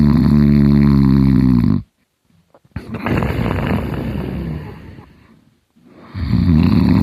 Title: me snoring hard